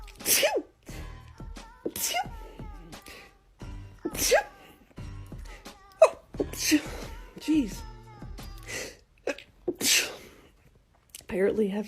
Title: TikTok Rapid Sneezing Compilation 2